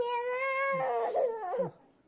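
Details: Baby crying: a loud, sustained high-pitched wail breaking into shorter sobbing cries; ordinary infant crying.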